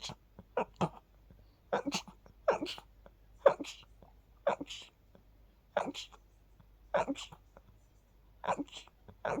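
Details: Run of short sharp sneeze-like bursts with quick breaths between, while sleepy after sleeping with the window open, attributed to pollen; sneezing.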